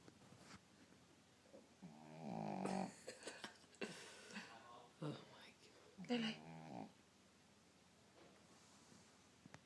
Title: SNORING DOG!! she even snores when she's awake!!